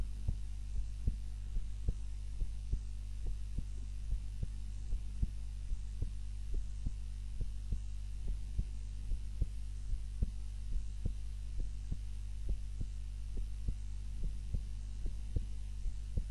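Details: Own heart sounds recorded on a timer while napping, lying on the back (supine) rather than the usual face-down position: steady soft low thumps at a slow resting rate over a constant hum; normal heartbeat during sleep.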